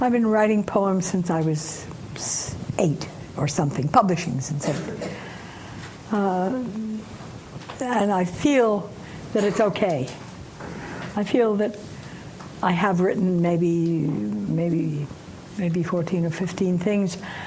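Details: Woman aged 89, some time after a stroke causing aphasia, says syntax still breaks down; aphasia (post-stroke).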